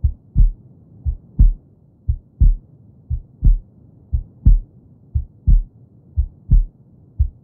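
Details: Normal heartbeat sound recording meant to help babies fall asleep: steady, regular two-part thumps at about 59 beats a minute, deep and soft with a quiet background.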